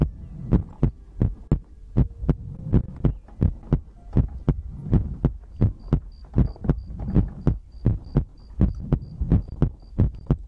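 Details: ASMR heartbeat-and-breathing compilation recording: regular, muffled double thumps at roughly 110 beats a minute over a low hum; steady, somewhat quick heartbeat.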